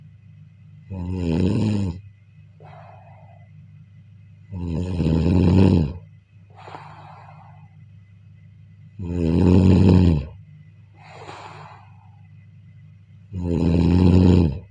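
Loud, rattling snores on each in-breath with softer out-breaths, about 14 breaths a minute, steady and regular.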